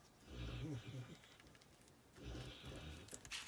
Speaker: my dog is snoring sorry if you hear that snorting that's my dog oh my goodness